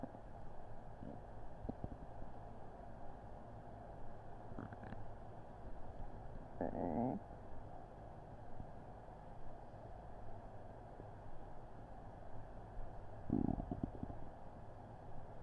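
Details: Upset stomach recorded with a Blue Snowball Ice microphone over background hum: low steady rumbling with a few gurgling, squelchy bursts; borborygmi (stomach rumbling).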